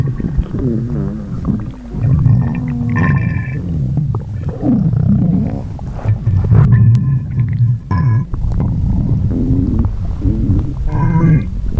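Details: Loud, low gurgling rumbles and squeaky rising and falling tones from the belly: the normal growling of an empty stomach (borborygmi).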